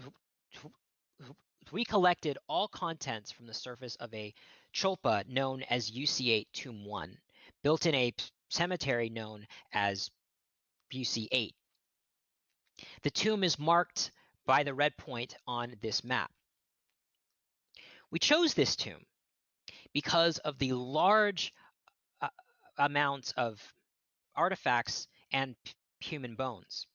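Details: Real stuttering in an adult man who states he is a person who stutters, heard during a lecture he is giving.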